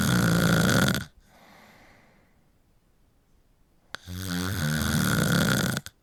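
Loud vibrating snore on the in-breath, a quiet exhale, then another harsh snore; steady snoring rhythm.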